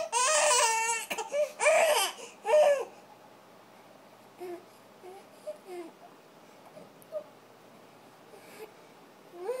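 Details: Colicky infant crying in a colic gripe-water demonstration: three loud, strained cries, then settling into soft whimpers and fussing in a quiet room.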